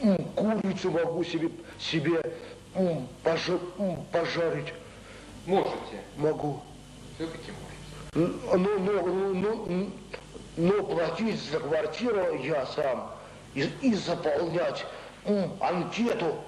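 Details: Adult male with mild intellectual disability (debility) in a 1995 psychiatric interview, real patient, thinking and speech impaired together with concrete thinking and template phrases; speech impairment in mild intellectual disability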